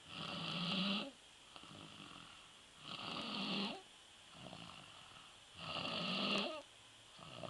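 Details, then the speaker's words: Young stepson asleep, snoring loudly and rhythmically on each breath in at about 22 breaths a minute, with quiet pauses between snores; snoring. "That boy's sawing some logs. Hey. That boy don't want to wake up."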